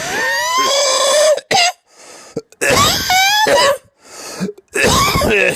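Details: Harsh, hacking dry coughs from an adult man with a recurring chest cold, sore, in strained uncovered bursts with rough, almost whooping intakes between: dry cough.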